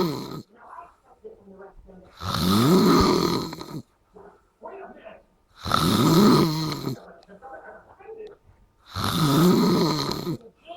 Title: Snore monster